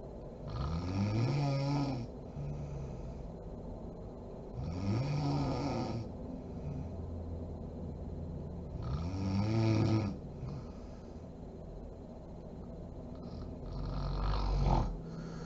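Three loud, low rattling snores on inhaling, about 14 a minute, with quiet breathing between them and room noise behind.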